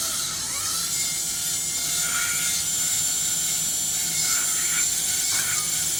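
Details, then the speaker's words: Diamond bur surgical drill removing ear canal bone during transcanal revision tympanoplasty for severe tympanic membrane lateralization after several previous operations; steady high-pitched whirring with grinding variations, chosen over a cutting bur as safer near the TM joint. "okay all right so now I will drill Out the Bone [Music] here PR and as usually you can see I'm using a Diamond D bur I don't like to use a cting bur takes more time but I think it is safer especially for the uh TM [Music] [Music] joint"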